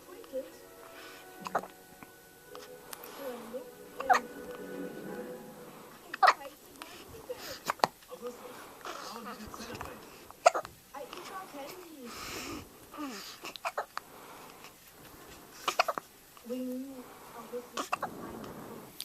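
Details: Several short, sharp hiccups in a four-day-old, over background talk and music at Thanksgiving.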